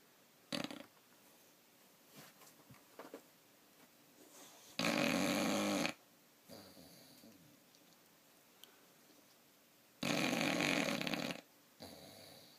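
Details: Snoring that keeps the owner from sleeping well: two harsh, noisy snorting snores about five seconds apart, with softer breathing and small snuffles between: loud snoring.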